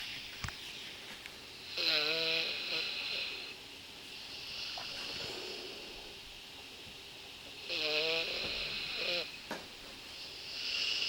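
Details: Snoring still present, recorded Dec. 31: thin, whistling snores repeating during sleep breathing over a steady hiss of room noise.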